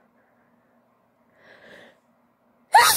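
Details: Woman with allergies acting up, in an allergy-denial scenario recording of wet sneezes: a brief, quiet gasping in-breath, then the start of a loud sneeze burst; a pre-sneeze gasp.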